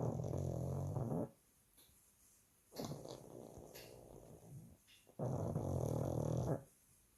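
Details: A 2-year-old pug sleeping, with loud, rattling low snores in long drawn breaths separated by quiet pauses. Snoring.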